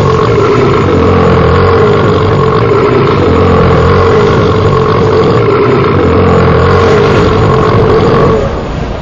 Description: No way. Powerfull burp like a nuclear bomb